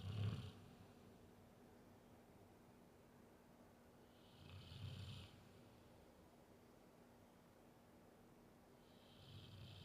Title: Snoring dog